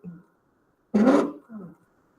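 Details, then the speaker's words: Stridor heard on auscultation of a patient in a pediatric emergency lecture: harsh, loud noisy breath among softer breaths, indicating upper airway obstruction. "Eu auscultei aqui esse paciente e eu estou ouvindo um estridor, né? Então, se eu estou escutando um estridor, isso me remete, né, a uma obstrução de via aérea superior, né?"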